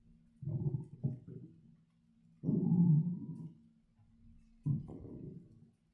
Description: My empty stomach growling while I lay in the bath. I've had nothing but coffee this morning, and I feel so rumbly and empty.